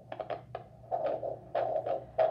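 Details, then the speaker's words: Patient instructional demonstration of home Doppler blood pressure: handheld Doppler wand with conduction gel at inner elbow or wrist, arm at heart level after five minutes seated rest; repeated distinct swish-swish whooshing arterial pulse signal, not wand-movement noise. "should hear a repeated swish swish or a whooshing sound that is distinct and not caused by the movement of the wand"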